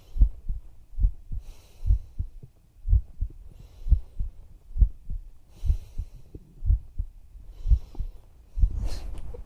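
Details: ASMR roleplay with a whispering female voice, her own heartbeat heard at her chest: soft, regular low thumps at about 63 beats a minute with faint whispery noise.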